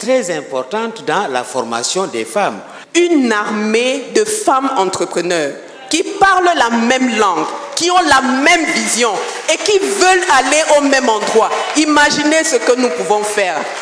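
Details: Adult woman speaking French at a forum; typical speech.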